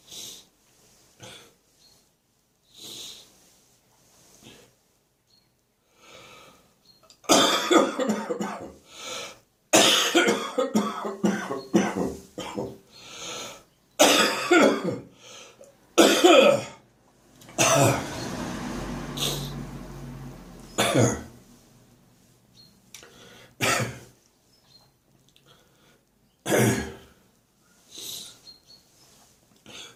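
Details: Morning coughing fit: repeated harsh coughs building into sustained, forceful bursts with strained breaths between.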